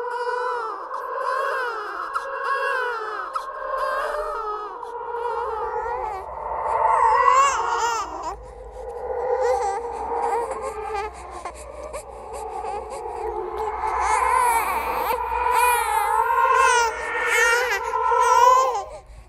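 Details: Horror sound-effect track of a ghostly baby crying: sustained, rising and falling infant wails over a low background hum. The cry is recorded and composed with other creepy sounds, not a real clinical recording.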